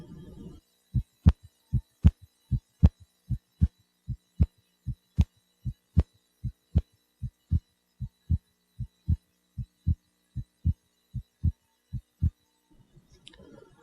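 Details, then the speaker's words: Normal heart sounds at the pulmonic area, patient lying supine, best position to evaluate splitting of the second heart sound; regular rhythm about 77 per minute with crisp first and second sounds. "auscultation of the pulmonic area where the patient lying is the best position to evaluate splitting of the second heart"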